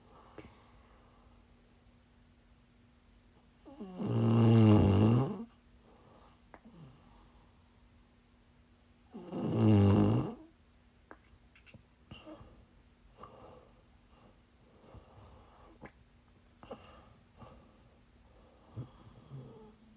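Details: Woman snoring while sick during a live sleep stream: two long vibrating snores with quiet breathing between, about 12 breaths a minute, steady hum and small room noises behind.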